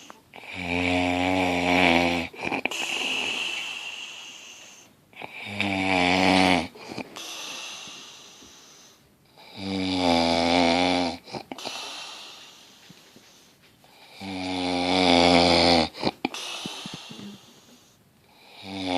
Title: Look at him snore